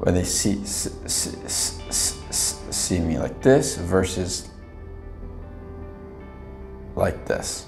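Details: Adult man who stutters deliberately demonstrates a stuttering block, which he describes as being unable to release air with struggle, force and tension; stuttering block (demonstrated).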